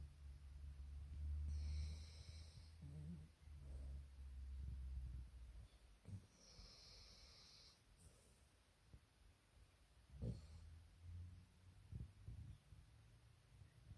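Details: Sleeping Kelpie dog, dream-twitching with tongue tip poking out; deep, low rumbling snores on several breaths, fading into softer snuffles and brief snorts: snoring.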